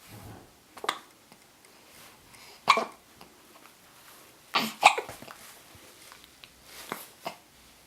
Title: has the hiccups